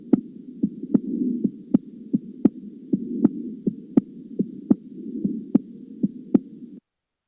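Regular heart sounds with an extra soft early-diastolic beat, giving a three-part gallop rhythm: an S3.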